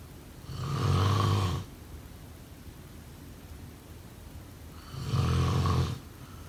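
Two loud, low rumbling snores on the in-breath about four seconds apart over steady room hiss; typical snoring.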